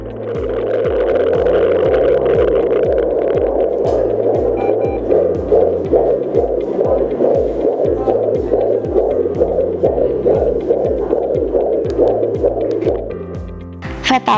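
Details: Rapid, regular whooshing pulses at about 140 a minute from a handheld GEA FD-100 fetal Doppler (2.5 MHz, usable from 16 weeks' gestation); normal fetal heartbeat.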